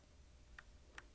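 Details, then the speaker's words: Philips HeartStart OnSite AED demonstration after a shock: sharp, evenly spaced electronic metronome ticks pacing chest compressions, push chest down firmly 2 inches, hand at center of chest between nipples; CPR metronome beat. "Push the chest down firmly 2 inches. Keep time with the beat."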